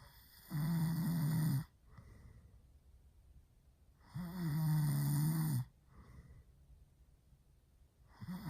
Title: boyfriend snoring REALLY loud